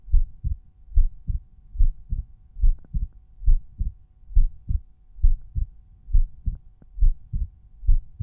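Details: Resting normal heart sounds auscultated at Erb's point, tricuspid, mitral, pulmonary and aortic areas; volume normalized per point.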